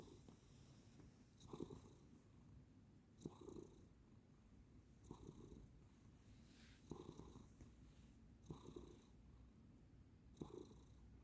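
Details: Soft, regular rasping breaths at about 33 per minute from a sleeping cat, with faint low room hum: gentle snoring.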